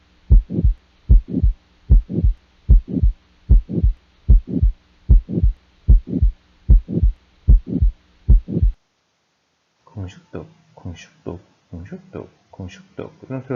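Regular heartbeat at about 75 per minute with a diamond-shaped systolic murmur of aortic stenosis.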